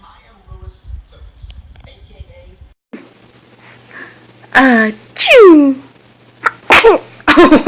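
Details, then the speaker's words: Baby sneezing several times, with sharp, high-pitched infant sneeze bursts separated by squeaky vocal sounds after a quiet stretch; sneezing. "Oh, what is that? What happened? That's Oh. a sneeze."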